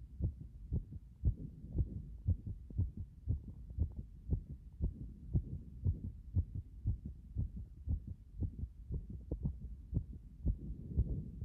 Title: 圧迫後の心臓の状態